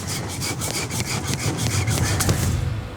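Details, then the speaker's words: Rapid rhythmic rasping strokes, like sawing wood, as a wire saw cuts through the sharp overgrown tusk of a 220 kg farm pig whose tusks are so big it can't eat. "the key here is just getting the wire in around this task and getting initial cut because this doesn't really work that well otherwise the drill sounds bad"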